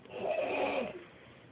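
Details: Adult man snoring during sleep; others suspect drinking is involved. A single rough, fluttering snore lasting about a second.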